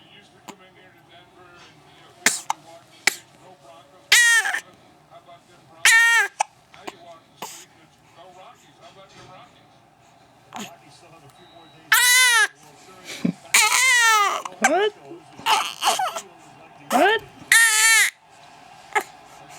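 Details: Infant hiccups: short, sharp hiccup clicks every few seconds mixed with high-pitched squeals and fussing sounds.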